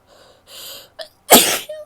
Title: sneezes, some false starts and a nose blow (f)